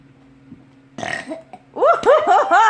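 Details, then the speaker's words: Child doing an unusually loud, long rumbling belch, followed by excited talking and laughter from adults; burping. "oh that is amazing okay nobody's ever seen a kid burp like this kid has like some kind of talent"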